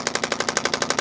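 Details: Rapid, regular sharp clicking pulses at about twelve a second from a radial shockwave therapy device working on the scapula, deltoid and trapezius muscles, with ultrasound gel, for shoulder pain.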